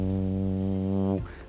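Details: Imitated buzzing/humming tinnitus: a steady low vocal hum demonstrating a phantom sound heard inside the ear, one of several tinnitus types (ringing, buzzing, pulsing, rhythmic).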